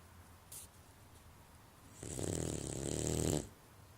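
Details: Sleeping boxer dog snoring: a single loud, rattling snore lasting about a second and a half in a quiet room; ordinary snoring.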